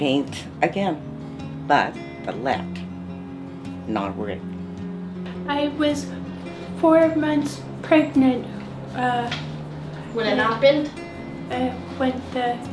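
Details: Aphasia after a stroke in an adult who reports it is hard to talk.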